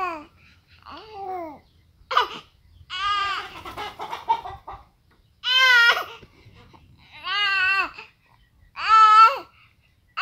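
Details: Fussy, unsettled infant crying in short wailing bursts with pauses between them, in a quiet room; ordinary infant crying.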